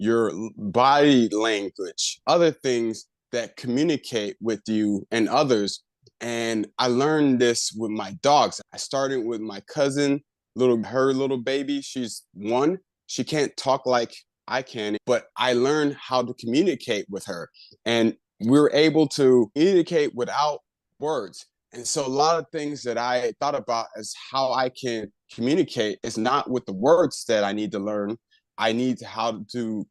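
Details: Adult man with aphasia after a left-hemisphere stroke about a year earlier, still working on over-articulation and word retrieval: aphasia.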